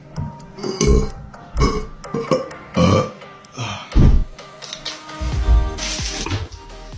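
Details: Man during an eating challenge: a series of loud, low, drawn-out belches, about six in seven seconds, with music behind; repeated burping.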